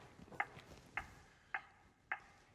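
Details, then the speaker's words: ZOLL AED 3 demonstration of Real CPR Help: short regular metronome tones about 110 a minute guiding chest compressions, with the defibrillator monitoring and prompting CPR depth and rate. "push to match the tone the AED 3 is monitoring and reminding me to start CPR"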